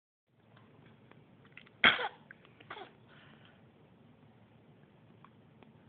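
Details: Possibly a baby (Brayden): one sharp cough-like burst, then a softer second one, over quiet room noise; a brief cough.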